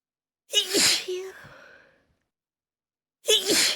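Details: Two forceful, hissy sneezes, each with a quick gasp before the burst, the second cut off, induced with sneezing (chhinkni) powder, with music in the background.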